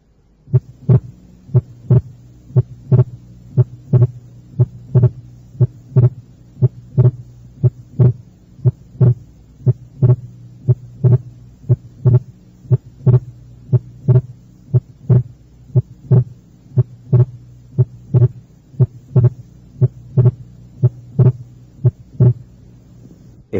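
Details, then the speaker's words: Teaching recording, second left intercostal space: regular heartbeat near 60 a minute, second sound split during expiration with the split widening on inspiration, abnormal wide splitting as in right bundle branch block. "eso fuera un desdoblamiento anormal del segundo ruido cardíaco como se encuentra en el bloqueo de la rama derecha el segundo ruido cardíaco está desdoblado durante la expiración y el desdoblamiento aumenta en la inspiración"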